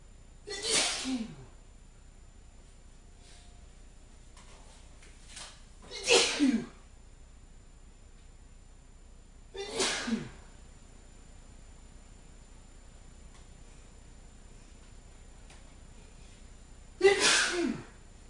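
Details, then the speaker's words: Adult male deliberately sneezing on camera, reporting an itchy, irritated nose: four loud, sharp sneezes spaced several seconds apart, each preceded by a quick in-breath; voluntary sneezing. "My nose is irritated so much that all I can do is just stand here and sneeze like this. I don't feel any better for that, so I know that I'm going to sneeze again."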